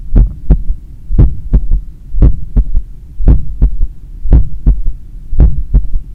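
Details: Loud heartbeat at about 57 a minute with a soft third heart sound (S3) after each second sound, self-recorded after an 8 km run with the stethoscope at the point of maximum impulse over the apex.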